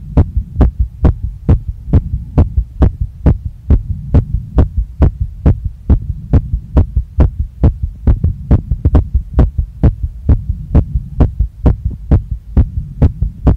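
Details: Woman's own heartbeat recorded after a workout: a fast, forceful, regular thumping beat at about 136 a minute that won't calm down, felt in her chest, neck, face and stomach; post-exercise tachycardia.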